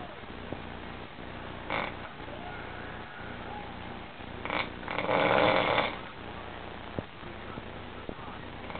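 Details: Rough, fluttering snore with a louder snorting breath midway, over a steady low rumble: snoring.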